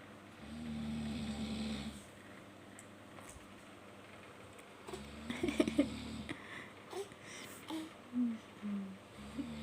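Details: Father snoring: one low buzzing snore, then a baby's babbling and squeals over room noise; snoring.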